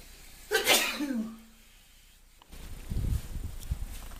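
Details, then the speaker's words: Man with pollen hay fever, just back from outside: single loud, explosive sneeze followed by rustling and breathing. "This is what it's like when I first wake up in the morning and the pollen gets me."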